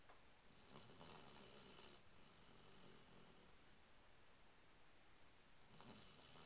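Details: Bloodhound sleeping: low, rattling snores with each slow breath in, breathy hiss between them; ordinary snoring.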